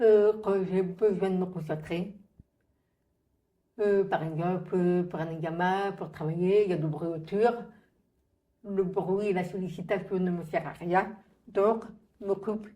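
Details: Adult woman, profoundly deaf, who uses hearing aids; speech of a profoundly deaf speaker.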